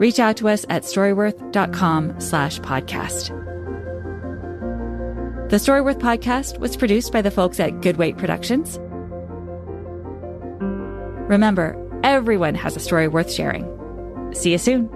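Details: Adult speaker; normal speech.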